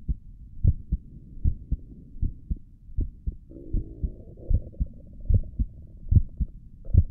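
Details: Steady, paired low heartbeat at about 73 beats per minute, recorded with a stethoscope on an adult's own chest, with a soft low hum; normal heartbeat.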